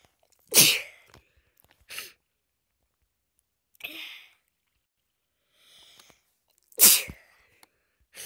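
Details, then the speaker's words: Person who says they are sick with a clogged nose: two sharp, explosive sneezes, each after a brief inhalation, with quieter sniffing between; a sneeze. "that's a lot of sneezes oh my gosh"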